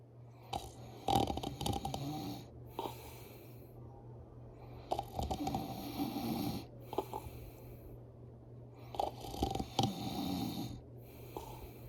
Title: Pass out And snoring￼ So loud￼